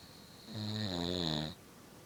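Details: An adult father in deep sleep: one loud, low, buzzing snore lasting about a second, with a thin high whistling tone alongside, in a quiet room. Snoring.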